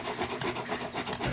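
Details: Short rasping, scratching strokes of a metal hand pick scraping heavy tartar from a 10-year-old yellow Labrador's teeth at home without anesthesia, occasionally bumping the sensitive gums.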